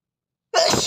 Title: Cute Asian boy Sneeze 🤧#sneeze #sneezeboy #sneezefetish #sneezing #fyp